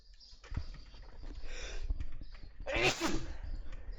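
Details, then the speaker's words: Adult sneezing after saying they felt a sneeze coming: a short noisy build-up of breath, then one sudden loud, forceful sneeze. "Vous avez entendu mon éternuement de grosse baltringue. Excusez-moi."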